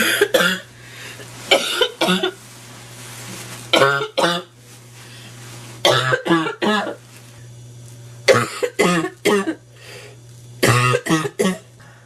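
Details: Sick, stuffy adult woman with a nasty cold coughing constantly: repeated harsh, barking coughs in short clusters, barking cough.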